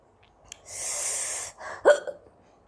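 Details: A soft breathy sound, then a sharp catch of breath with a short voiced gulp, from an Indian young woman who has had hiccups for a long time and is trying black pepper powder; the recording also has sneezes and a little cough. Hiccup.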